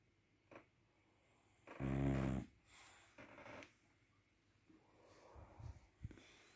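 One short loud snore in a quiet room, followed by soft breaths and snuffles; snoring.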